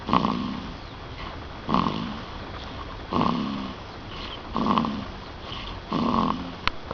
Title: my snoring baby